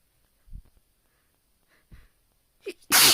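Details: Self-induced sneezing: quiet sniffing and catching breaths build up, then one sharp, explosive sneeze at the end.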